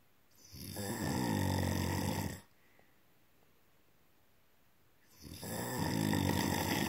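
Two deep, loud, vibrating snores roughly three seconds apart with near silence between. Heavy snoring during sleep.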